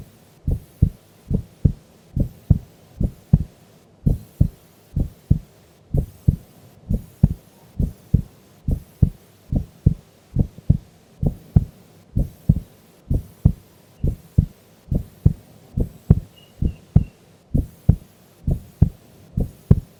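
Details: Heartbeat of a sleeping female during an afternoon nap: steady, regular lub-dub at roughly 65 beats a minute with low thudding sounds; normal heart sounds.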